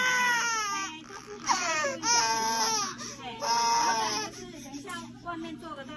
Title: How long does a baby cry after vaccination - Little Daughter pain injection Crying...